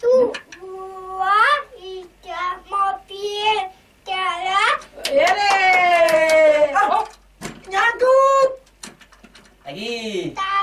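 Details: Speech of a young child with hearing loss who uses hearing technology but cannot yet understand conversation or speak, during an Auditory-Verbal Therapy session.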